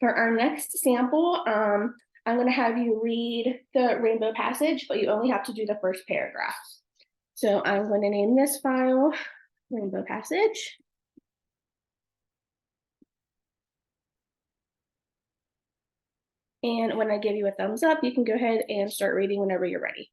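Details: Adult woman; Normal speech.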